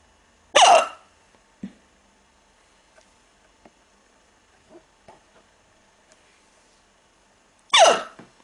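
Two sharp, abrupt hiccups about seven seconds apart, with faint breathing and small noises between them in a quiet room.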